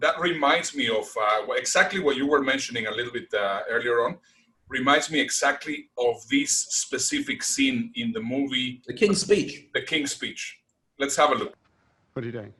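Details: Adult male speaker; ordinary speech.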